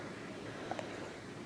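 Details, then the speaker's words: Infant girl, just after a diaper change, who gets hiccups about 10 times a day: one soft, quick hiccup click through steady quiet room noise. "oh i'm not gonna get hiccups again are you yep i think you got the hiccups again"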